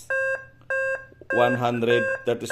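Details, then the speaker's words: Nihon Kohden TEC-5631 defibrillator AED mode tested on an analyzer: alert tones and voice prompts "do not touch patient, analyzing heart rhythm, shock advised, press the flashing shock button, shock delivered". "do not touch patients shock adv guys Press the flashing shock button so delivered sh delivered guys c nire-recycle"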